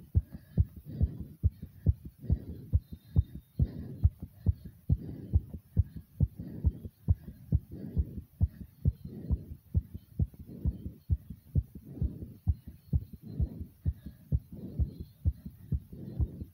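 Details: Normal post-exercise racing heart after more than 50 jumping jacks: a rapid, forceful heartbeat at roughly 130 beats per minute, with heavy breathing swells; exercise-induced tachycardia.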